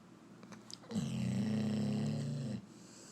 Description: #shorts Vernon watching Brewster Snore. Black and Tan Lab. #dog